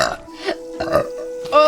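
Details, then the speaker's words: A few quick voiced belches in a row, rising at the end; burping from a VTuber, who attributes it to swallowed air. "Oh, that's all the air that I ate. That's all the air that I freaking ate."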